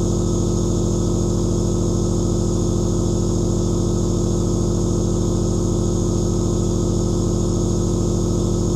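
Steady, loud mechanical hum with a fast, even pulsing, about 160 a minute; a nebulizer compressor running continuously.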